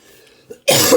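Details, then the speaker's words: After a brief quiet intake, one loud, abrupt cough with a sharp, shrill edge from an adult speaker; a single isolated cough. "Wow. I'm sorry that sounded pretty shrill as far as a cough goes."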